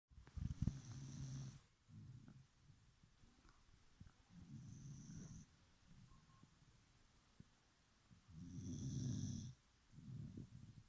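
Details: Dog snoring like an old man: low, rumbling snores on each breath in, with softer snorts between, in a quiet room.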